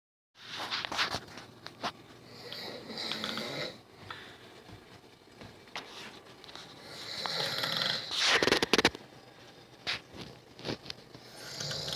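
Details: Snoring from a sleeping person who claims not to snore: irregular rattling, wheezy breathing noises during sleep with quiet gaps between.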